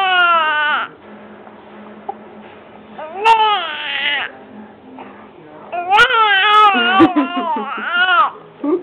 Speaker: can't you give him one little cry come on oh there you go